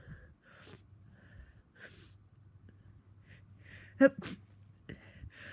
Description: Woke up very snotty and sneezy again today. Sneezing throughout the day and lots of snotty spray.